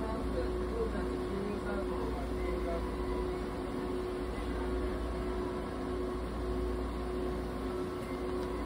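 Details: Budgerigar under veterinary treatment in an ICU incubator providing warmth, humidity and oxygen therapy: steady mechanical hum with low rumble and faint constant tone. ICU incubator running with oxygen therapy.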